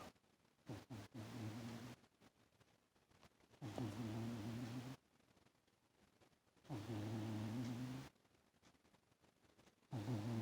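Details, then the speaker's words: Pet cat snoring loudly while asleep on the owner's lap, rolling around. "Do you hear snoring? He's sleeping on my lap, rolling like that and snoring. Can you hear Lee snoring?"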